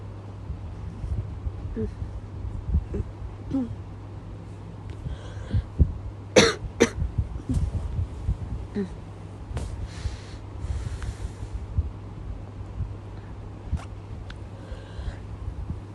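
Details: A woman's persistent night-time cough that won't stop: a few short, sharp coughs, mostly a close pair, over a steady low room hum at night.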